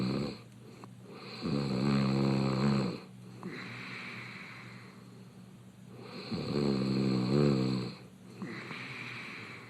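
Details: Adult male reality-show contestant snoring open-mouthed in bed: loud, rough snores on each in-breath about 5 seconds apart, with quieter out-breaths between.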